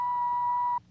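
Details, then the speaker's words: Dramatized TV scene of an audiometer test on a musician with otosclerosis and about one-third hearing loss: a single steady, pure beep under a second long, then a quiet room; an audiometer test tone. "electronic tone of the audio meter probes the depths of the passageway for sound the delicate membranes the vibrating network of tiny bones lace together with ligaments the thickness of a hair"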